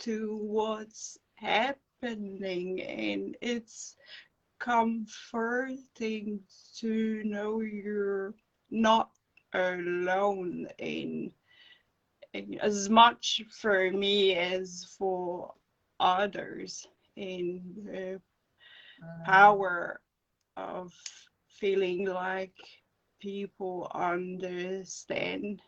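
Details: Adult woman with acquired brain injury from encephalitis and an anaesthetic-related injury; non-fluent aphasia, with speech slowing and dropped words.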